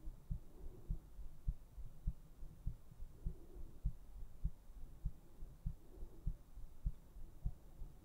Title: ASMR : HEARTBEATS to put you to sleep!